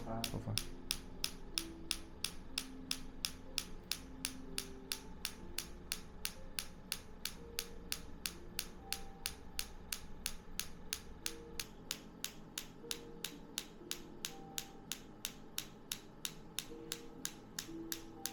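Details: Focused (not radial) shockwave therapy applied to the lower back around L4–L5 for low back pain at a chiropractic clinic: sharp, evenly spaced clicks at about one per second over a low room hum.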